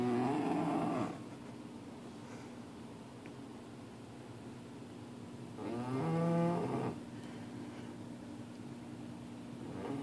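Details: Puppy snoring loudly while asleep: two long, deep, groaning breath sounds about five seconds apart over steady background noise; heavy snoring.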